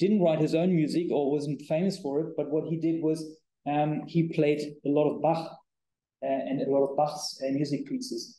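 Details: Adult male speaker; typical speech.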